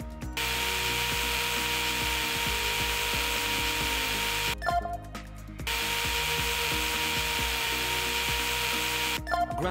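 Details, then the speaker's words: Simulated surgical bone saw in a VR total knee replacement simulator, resecting the tibial plateau through a cutting guide: steady high buzzing in long bursts with brief pauses over background music. "okay now I can use the bone saw to resect the tibial plateau so it'll we'll be able to cut in in this guide"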